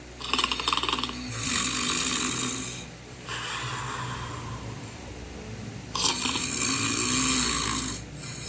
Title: Tim the toucan snoring